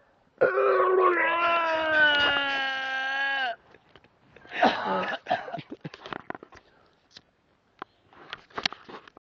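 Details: A long strained, moaning vocal heave followed by wet gurgling, splashing and spitting: a person retching and vomiting over a bridge outdoors at 5 a.m.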